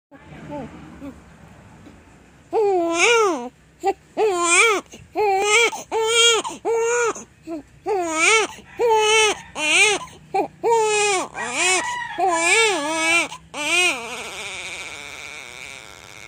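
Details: Infant crying: repeated loud, high-pitched wails with brief gasping pauses between them.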